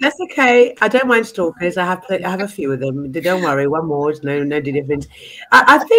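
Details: Adult speaker, likely female, conversational; Normal speech.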